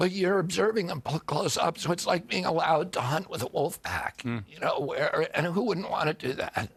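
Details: Spasmodic dysphonia (he calls it spasmodic dystonia) in an adult man: neurological, onset at 42 after a 1996 injury, vocal cords tighten constantly, not a tissue injury; Kyoto surgery about eight months earlier improved reliability; now on alternative therapies.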